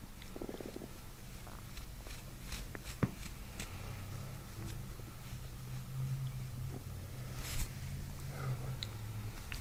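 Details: Bowel sounds (borborygmi) during a chiropractic abdominal session, with deep belly breaths, producing gut releases and gurgles.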